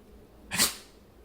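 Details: Male puppy sneezing during trick practice (high five, shake, down): one short, hissing burst of air through the nose; a single sneeze.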